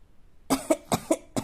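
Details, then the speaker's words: Imitated cough: a young child, asked how mom coughs, gives five short, rhythmic voiced coughs imitating an adult's cough. "как мама кашляет? Вот так кашляет, да? Вот так мама кашляет, да?"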